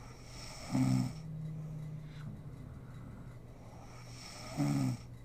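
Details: Sleeping mother snoring in a home ASMR recording: two loud, buzzing in-breath snores about four seconds apart, with quiet breathing between; ordinary sleep snoring.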